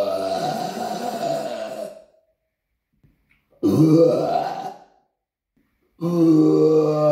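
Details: Person in an apartment: three long, loud, rumbling voiced belches separated by short silences, in a small room; burping.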